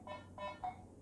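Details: Alarm tone from a Bistos BT780 multiparameter patient monitor with a 15-inch screen, being demonstrated and simulated while alarm volume is adjusted on a 1–9 scale.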